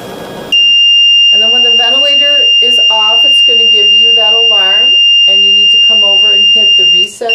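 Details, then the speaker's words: Continuous high-pitched alarm tone over a man's voice as an LTV 1150 ventilator is shut off by holding the on/standby button, with the vent inop light on; normal shutdown alarm. "and then you'll notice your vent inop light is on that's perfectly normal it will do that anytime you shut the ventilator off"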